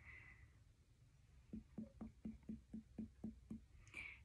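Nine quick, evenly spaced percussion taps, each a short, flat, low thud without hollow ring: normal dullness over the spleen.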